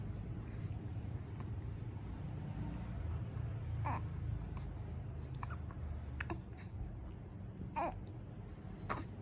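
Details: Newborn baby hiccups: several brief, soft catching sounds at irregular intervals over low room rumble.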